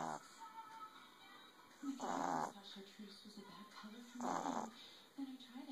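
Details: 11-week-old male Boston Terrier puppy snoring: two loud rasping snores about two seconds apart over soft breathing, with television or music in the background; snoring.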